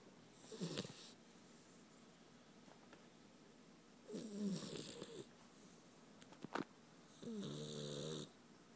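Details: Sleeping puppy, female, snoring: three noisy snorting breath sounds over about nine seconds, each with a rough fluttering tone.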